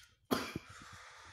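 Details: Person on day 6 of COVID-19 home isolation, cough decreasing: a single sharp cough burst followed by a short breathy tail.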